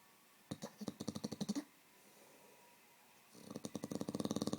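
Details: Staffy dog sleeping on a bed while twitching: two bursts of rapid, fluttering snorts in a quiet room, harmless sleep snoring.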